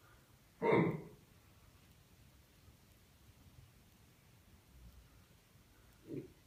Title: Chronic Burping / Hickups recording of patient